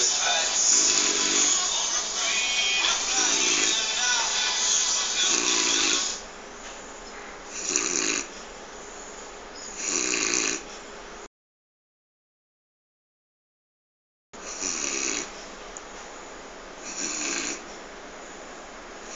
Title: Shit i can snore